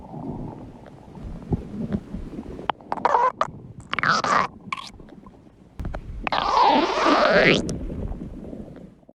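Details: Ordinary stomach growling: irregular gurgling and squeaky rumbling bursts, with a long rising-falling growl near the end.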